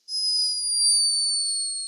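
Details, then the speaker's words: Sleeping hummingbird: a thin, steady, very high-pitched whistling tone lasting about two seconds, an unmistakable snore. "captured this escaping from the tiny body of a sleeping hummingbird a high-pitched but unmistakable snore"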